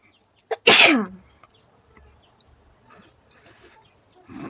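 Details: A quick intake of breath, then one loud explosive sneeze, deliberately set off by poking the nose with a stick during a sneezing challenge; faint rustling and room noise afterwards.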